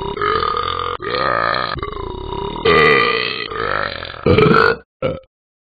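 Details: Burping: a long, loud, rumbling burp in several stretches, then a short final belch.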